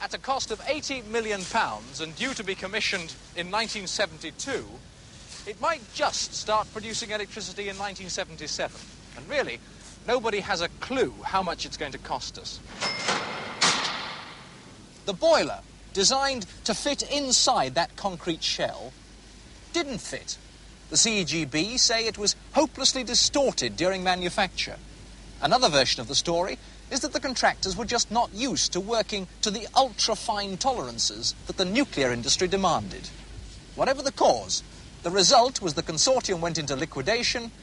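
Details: Adult male narrator; normal speech.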